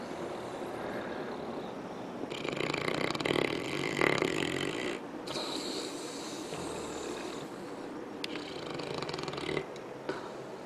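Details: St. Bernard dog asleep on a couch: loud, continuous rumbling and rattling breath noise rising and falling without clear pauses between breaths; heavy snoring.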